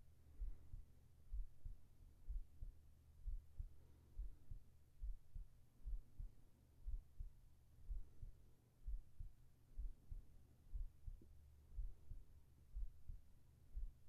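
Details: ASMR heartbeat recording for sleep, with whispered voice: even, muffled low thumps at roughly 62 beats a minute over a quiet hum; normal heartbeat.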